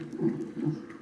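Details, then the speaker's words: Rapid rhythmic whooshing thumps of a baby girl's fetal heartbeat on hospital fetal monitor before C-section after early membrane rupture, mother not dilated; rate earlier 150s–160s but not holding; fetal heartbeat. "so it's gonna be really soon if you can hear her heartbeat they got me all hooked up here"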